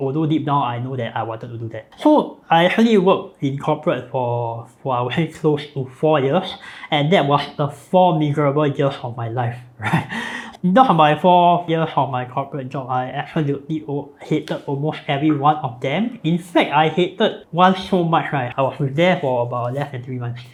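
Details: Adult man born with cleft lip and palate (hole between nose and mouth), palate repaired, numerous facial surgeries from age 13, speech impediment since childhood; cleft palate speech.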